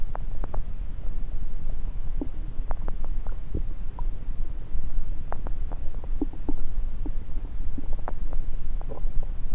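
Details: Stethoscope on various sites of the recorder's own belly: frequent gurgles and clicks over a steady low rumble, normal active bowel sounds.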